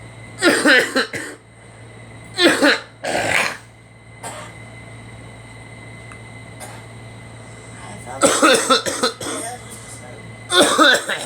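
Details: Two people, one a girl, coughing: several short, dry coughs and throat clears in a quiet room with a low hum; allergies are mentioned.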